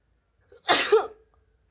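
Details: Single human sneeze: a brief catch of breath, then a sharp explosive burst trailing into a short voiced sound.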